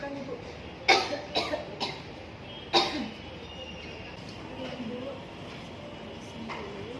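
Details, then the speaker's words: Voluntary cough by an adult woman during a nursing student's effective-coughing and deep-breathing demonstration: breath in, hold, then a short series of about four deliberate coughs. "Ya, di sini saya akan memperagakan bagaimana cara untuk batuk efektif dan nafas dalam."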